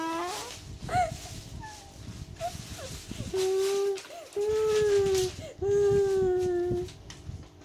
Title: I'm Crying